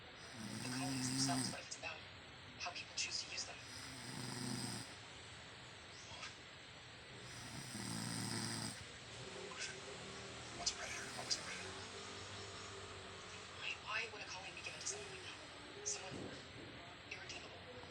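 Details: Rhythmic buzzing snores on the in-breath, about three in this stretch, over a steady background hum and small clicks; a sleeping adult woman snoring.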